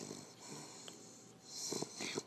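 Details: An exhausted animal snoring lightly while asleep: soft, low snorting breaths in a quiet room, a few louder at the end.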